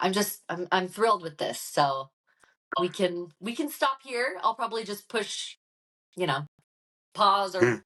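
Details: Adult woman; typical speech.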